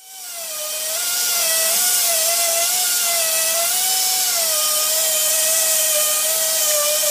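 Steady high-pitched whine of a dental drill, wavering slightly in pitch as it runs.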